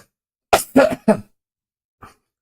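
Three quick harsh coughs in a row, then a faint fourth, from an adult with an illness.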